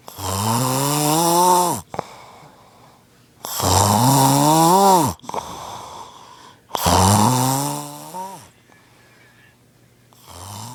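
Loud, rattling, buzzing breaths about every 3.5 seconds, with quieter exhales between; heavy snoring.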